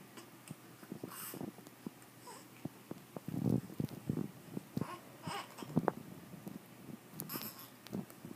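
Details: 1-month-old infant boy during tummy time: brief fussy cries and whimpers broken by snuffles and pauses in a small quiet room; ordinary infant cry.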